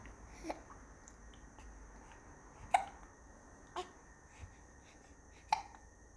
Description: These hiccups are annoying the baby boy. Go away. He doesn't like you.